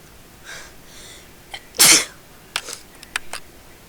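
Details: A person caught in a sneezing fit: a short breathy build-up, then one forceful, explosive sneeze followed by a few small sniffs; sneezing.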